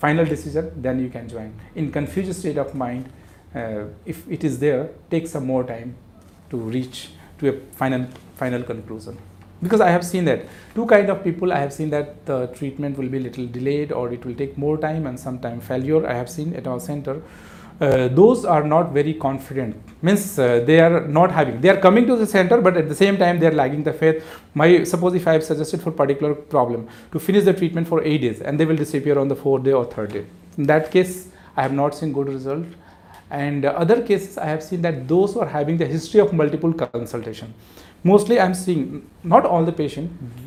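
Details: Adult man speaking; normal adult male voice.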